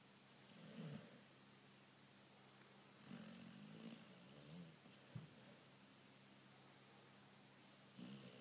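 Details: Spaniel dog snoring and snorting while asleep: low, rumbling snores repeating with each breath, with quiet gaps between them.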